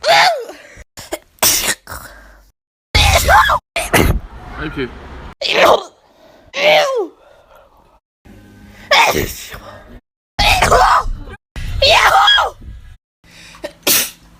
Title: hella funny sneezing compilation